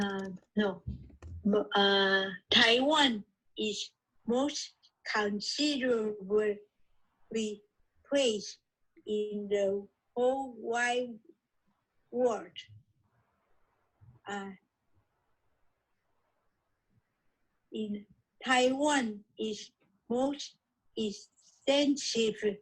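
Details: Non-fluent agrammatic aphasia in an adult woman originally from Taiwan, reading her own podcast in an intensive reading and writing aphasia therapy program, with long pauses and agrammatic phrases.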